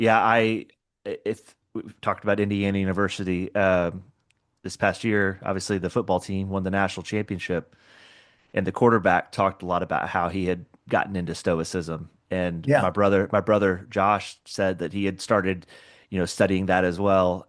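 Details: Adult male speaker; typical speech.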